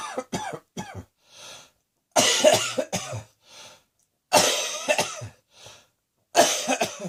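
Three bouts of harsh, forceful coughing with short gaps, each bout several quick bursts followed by a quiet indrawn breath.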